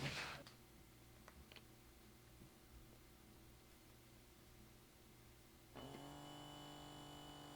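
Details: Omron BP769CAN automatic upper-arm blood pressure monitor: a quiet room, then a steady pump hum as the cuff inflates.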